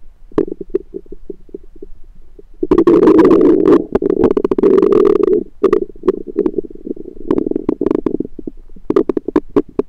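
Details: Own abdomen recorded with a USB stethoscope: loud, long gurgling rumbles mixed with rapid short bubbling pops; ordinary stomach rumbling (borborygmi).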